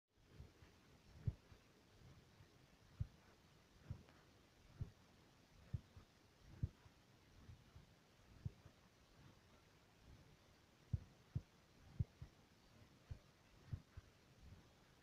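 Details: Heartbeat through a stethoscope: faint, low thumping beats with uneven spacing over a quiet hiss.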